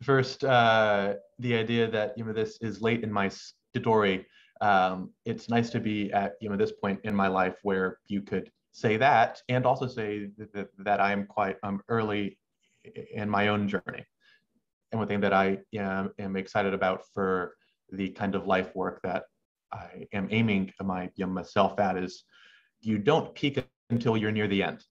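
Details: Adult male medical student who has stuttered since about age six or seven, with earlier speech therapy for some sounds in childhood; stuttering.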